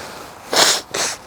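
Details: Adult vlogger outdoors, possibly with hay fever, gives two quick breathy nasal bursts: a sneeze with a follow-up snort. Sneeze.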